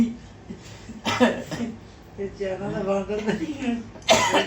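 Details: Two short, deliberate, acted coughs with brief vocal sounds between them, made to see whether pet dogs and a puppy react; a plain cough in a quiet room.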